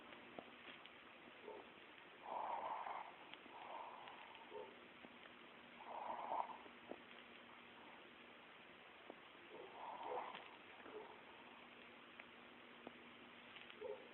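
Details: Dog snoring during sleep: soft rhythmic snores, about 16 a minute, over a faint steady background hum.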